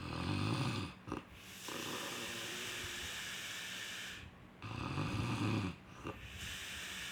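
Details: Loud, rough rattling snores on two inhaled breaths, with quieter breathing between them: ordinary snoring.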